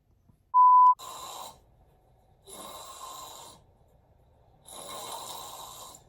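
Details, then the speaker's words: Severe obstructive sleep apnea in an adult male trucker, filmed asleep at home by his mother: brief tone, then three harsh noisy gasping breaths with quiet gaps. "yep then I finally do get a breath and then that's when I wake up that sleep apnea dude that's a bad case of it"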